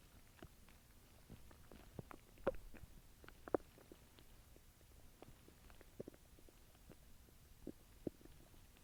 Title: {~Stomach noises~}